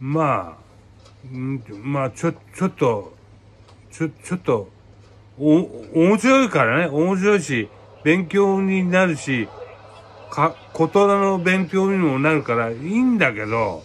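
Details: Aphasia after a cerebral hemorrhage, with hemiplegia, during spontaneous speech. Speech is halting, with repeated syllables and repeated phrases.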